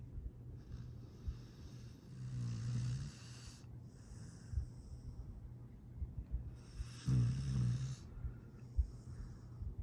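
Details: Sleeping foster rescue dog snoring: two slow, low rattling snores with a soft hissing exhale between them; ordinary snoring.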